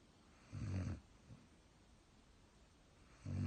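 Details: Low, rumbling inhaled snores about every three seconds with a soft snort between, from a subject labeled only "german" (species or identity unclear); snoring.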